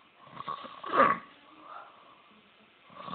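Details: Man snoring, described as ridiculous: a loud, rough, rattling snore peaking partway, then a softer inward snort with quiet breathing around it; snoring.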